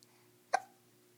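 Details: A single short, sharp hiccup in a quiet room; hiccups.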